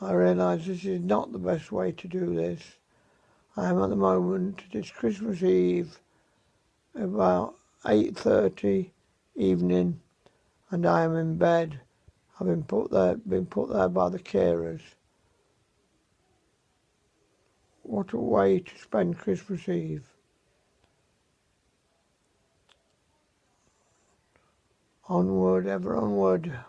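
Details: Unscripted home recording of a 77-year-old man with severe dysarthria after a severe stroke in May; very limited mobility, and he says his voice is severely affected.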